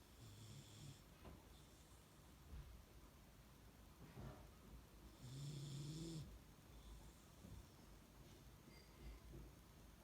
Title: Dog snoring